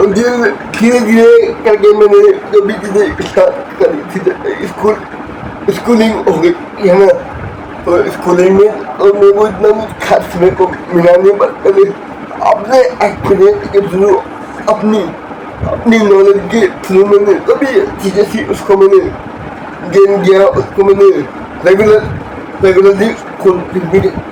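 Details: Adult man born with cerebral palsy after premature birth at seven months, who reports difficulty with speaking and working; dysarthria (cerebral palsy).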